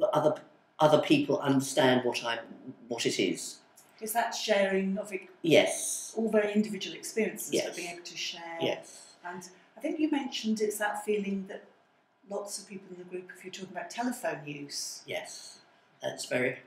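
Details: Adult woman speaking; typical speech.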